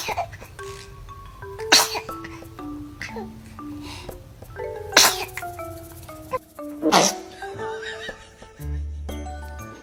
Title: Baby sneezes 😂#funny #maxl #funnybaby #baby #funnyclips #youtube #prank #funnyvideos